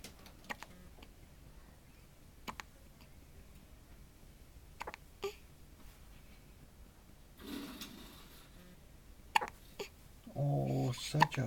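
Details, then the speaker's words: Sleeping boy with brief, sharp, irregular hiccup clicks in a quiet room and a louder burst near the end; sleeps right through a big hiccup; hiccups. "such a big hiccup. He's just sleeping right through."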